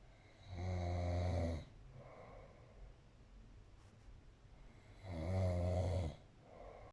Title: snoring away 🤣